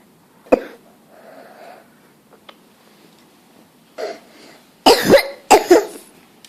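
A single cough, then a pause and a pair of double coughs, sharp and forceful with a slightly wet throaty quality.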